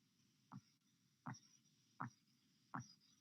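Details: Korotkoff sounds heard by stethoscope during cuff deflation in blood pressure measurement: silence until first sound at 116 mmHg, phases continuing until disappearance at 90 mmHg (BP 116/90); four regular soft thumps about 80 a minute.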